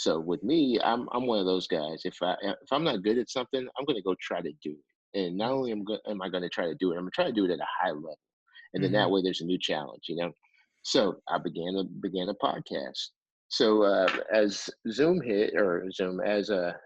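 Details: Adult male coach with a lifelong speech impediment, getting stuck in stutters he can't come out of, plus a heavy lisp; stuttering.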